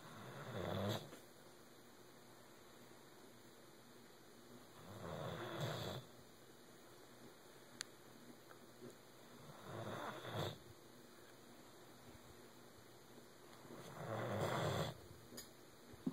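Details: Sleeping Doberman dog snoring louder than a human: rough, rattling snores about every five seconds against a steady background hum; dog snoring.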